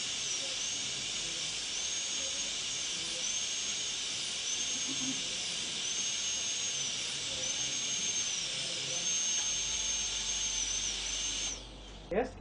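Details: Steady high-pitched whine of a dental high-speed drill, pitch dipping slightly as it cuts tooth, then stopping, during molar crown preparation for a PFM crown; dental high-speed handpiece.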